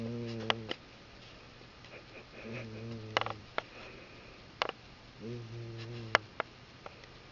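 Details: Pet cat snoring loudly: three low, buzzing snores recurring about every two and a half seconds, with faint clicks and room noise between them.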